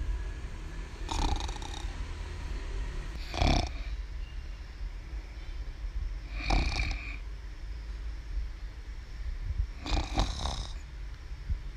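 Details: Young girl who snores every day when she sleeps: four rough snoring sounds roughly every three seconds over steady low room noise; ordinary snoring during sleep.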